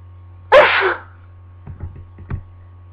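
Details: One loud, explosive adult sneeze followed by softer breaths and sniffs, during a lingering cold.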